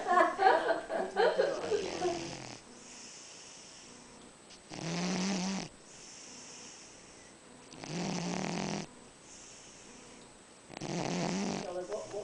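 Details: Loud, rough snoring from a big, fat sleeping cat: three long snores with quiet breathing between them; snoring.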